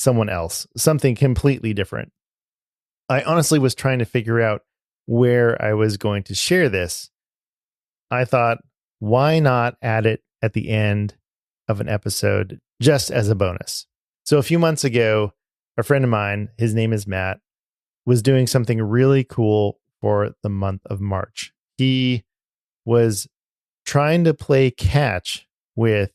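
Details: Adult man speaking; ordinary speech.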